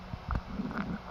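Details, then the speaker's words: Stethoscope auscultation of the abdomen during a health assessment demonstration: brief soft gurgles and low bubbling rumbles, normal bowel sounds, which are typically high-pitched, gurgling, cascading and intermittent, 5 to 30 per minute. "Note the character and frequency of bowel sounds, which typically are high-pitched, gurgling, cascading sounds that occur intermittently 5 to 30 times per minute."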